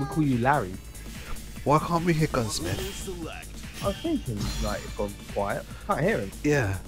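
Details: Adult male commentator; normal voice.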